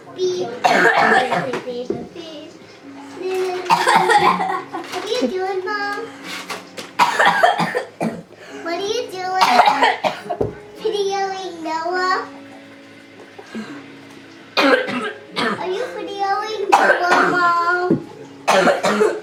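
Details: Child coughing repeatedly in clusters, with brief voiced sounds between bursts; a persistent cough they cannot stop.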